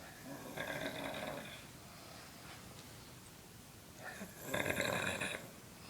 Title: Snoring dad